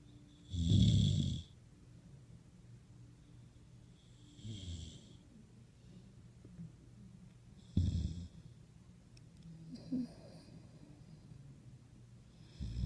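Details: A sleeping dog snores with rumbling, fluttering snores about every three to four seconds, varying in loudness, in a quiet room.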